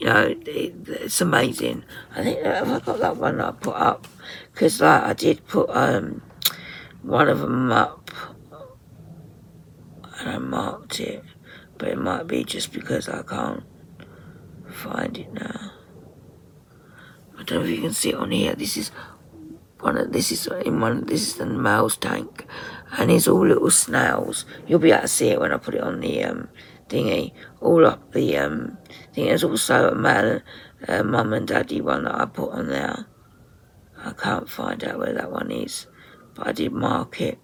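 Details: Woman with voice dysphonia, very tight, stressed muscles around the vocal cords, also affecting swallowing, attending speech therapy; voice at times distorted or lost; muscle tension dysphonia.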